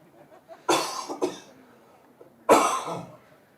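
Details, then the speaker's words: Adult cough from a live cricket commentator, heard briefly off-microphone during commentary. "I'm going to turn this off again and you'll hear me cough."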